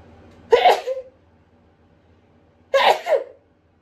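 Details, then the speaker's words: Person with autumn/fall allergies, describing an allergic reaction: two forceful, partly held-back sneezes about two seconds apart, each a sharp burst tailing off quickly, after build-ups; rapid stifled sneezing. "Hello. I'm having a allergic reaction. I don't know what to do. It won't come out."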